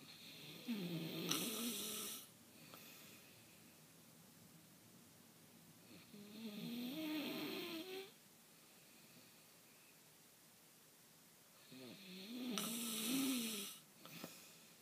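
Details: Woman snoring very loudly and awkwardly with some other noises: three loud, rattling inspiratory snores about every six seconds, roughly ten a minute, with quiet breathing between.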